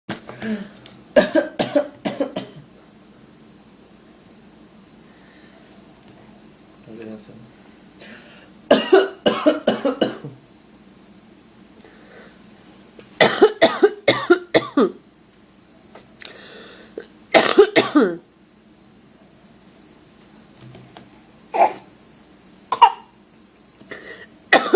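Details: Adult producing repeated bursts of short, forced coughs on purpose, not from illness: a voluntary, fake cough.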